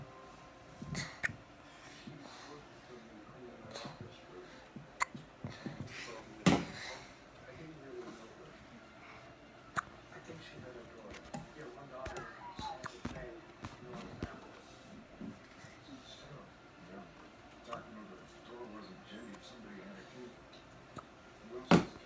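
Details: An infant's hiccups: sharp, brief hiccup sounds recur at irregular intervals over soft background voices and room noise.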